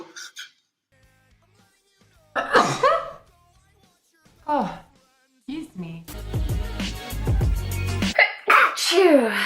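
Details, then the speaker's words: Several separate sharp sneezes with voiced cries, then louder sneezing over background music, from a sneeze compilation. "That was a little cute sneeze. Oh. That beamed us. It gets to me."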